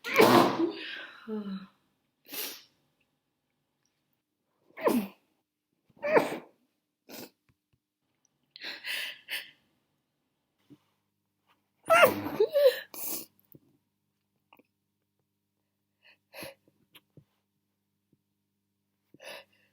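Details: Deliberately muffled sneezes while trying to stifle them: a series of short, muffled sneeze bursts with quiet gaps and sniffs between them; repeated stifled sneezing.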